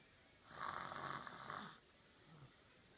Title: Lexie snoring 5-13-15